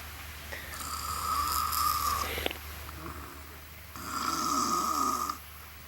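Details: Adult man sleeping in a camp at night: two long, loud, whistling snores with a rattling low rumble, separated by a quieter breath; exceptionally loud snoring.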